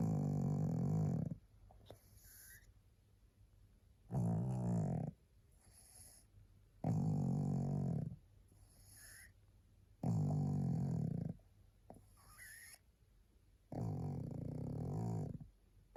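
Loud, rattling snores with each breath in, about five a minute, with quieter breaths out between, from a sleeping pug.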